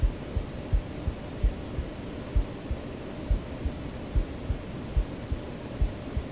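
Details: Creator's own recorded heartbeat used as sleep-aid audio: steady, paired low thumps of a normal heartbeat at about 80 beats a minute, under a constant hiss of white noise.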